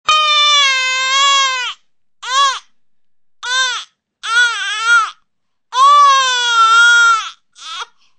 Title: Baby Crying Sound Effect YouTube